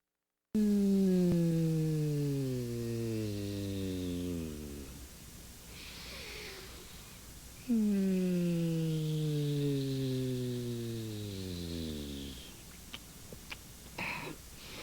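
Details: Performed, exaggerated imitation of snoring by the Sesame Street character Herry: two long, deep, groaning snores with a falling pitch, each followed by a breathy whistling exhale.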